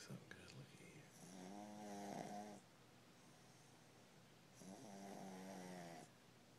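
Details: Pug snoring: two long, buzzing snores about three seconds apart with a wheezy, whistling edge, like an old man snoring.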